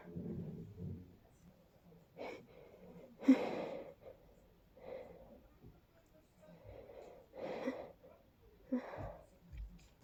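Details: Big, messy sneezes too big to stifle from a congested, tickly person: a series of wet, explosive sneezes with sharp inhalations and snorting breaths between, in a quiet room.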